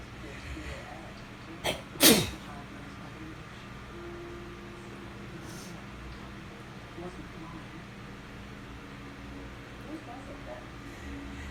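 A single sharp sneeze with a quick intake and forceful burst, then quiet room noise with a faint low hum.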